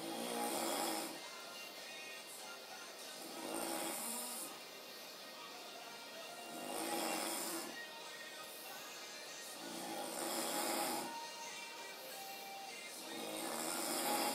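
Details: Rhythmic rasping snoring at about 18 breaths a minute from a sleeping adult man, a former roommate, with music or television playing in the background.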